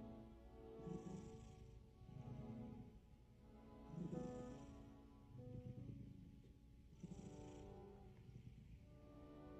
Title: My cat snoring for 15 minutes :)